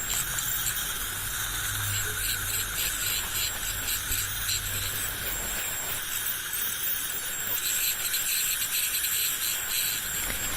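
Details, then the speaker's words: In-office dental cleaning removing black stain and tartar from the tooth surfaces: a steady high-pitched hiss and whine from an ultrasonic scaler with water spray, plus gurgling suction. "The sound is caused by the suction and the scaler."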